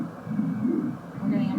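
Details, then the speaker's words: Pulsatile hepatic vein Doppler flow signal from the mid hepatic vein during a liver duplex ultrasound, midline probe, patient breathing: low whooshing that swells and fades in waves. "nicer wa form here and we'll have our patient breathe it's nice and clear we can see the pulsatility within the tracing"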